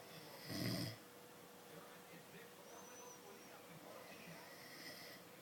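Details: Person asleep, snoring lightly: one short rough snore, then quieter breathing with faint snoring against steady room noise.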